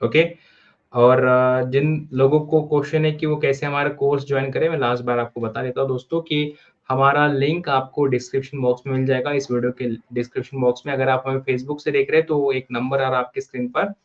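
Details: Adult male speaker; ordinary fluent speech.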